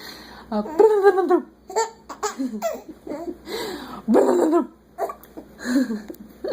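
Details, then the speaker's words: Baby boy laughing who gets hiccups: laughter broken by sharp catching gasps; hiccups. "BL the hiccups oh the hiccups the poor baby"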